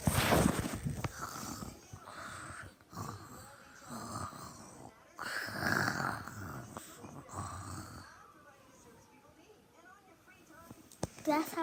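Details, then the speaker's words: A child deliberately imitates snoring while pretending to sleep, with a run of rough, rattling snorts and noisy breaths, then quieter room sound. Imitated snoring. "how when I snore, I wake myself up. This when I'm really sleepy, I snore like this, guys."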